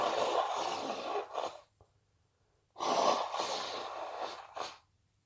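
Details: Two loud, breathy sneezes, each with a sharp inhaled build-up and forceful expulsion, deliberately induced during hay fever; sneezes.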